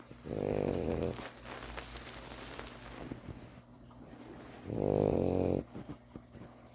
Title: frenchie pearl snoring up a storm#puppy #frenchbulldog #naptime